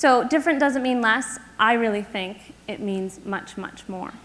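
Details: Adult woman speaking; typical speech.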